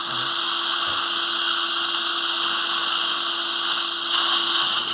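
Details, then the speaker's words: Flapless dental implant osteotomy in the mandibular ridge at 1000 rpm with saline, for a 5.0x10 ET3 implant: steady high-pitched whirring drill with hissing water spray. "I'm going a thousand rpm this is high awesome et3 system feel anything let me know okay"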